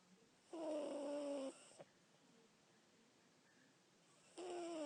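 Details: Snoring from a sleeper whose snoring keeps others awake at night: two soft, tonal whistling snores, each about a second long, separated by quiet breathing in a calm room.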